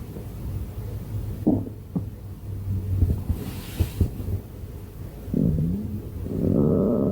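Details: Stomach growling: low rumbling and gurgling with a few short pops and drawn-out groans over steady background noise; ordinary bowel sounds.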